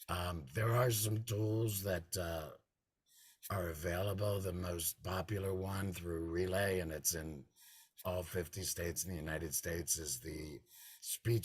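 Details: Man who is a laryngectomee without vocal cords, part of a laryngectomee cancer support group; he says automated speech recognition often fails to recognise his voice; alaryngeal speech.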